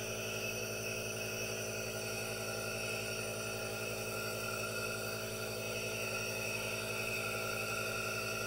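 Steady hissing hum of a running nebulizer compressor with a faint motor pulse, no talking; normal device operation.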